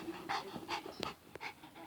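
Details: Dog during a sneeze-on-command trick, with quick, breathy in-and-out puffs and a brief snort; ordinary panting.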